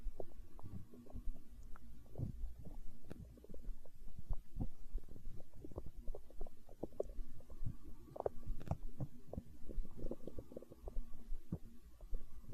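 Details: Hunger stomach growl recorded for ASMR: low, irregular gurgling and rumbling throughout; ordinary borborygmi.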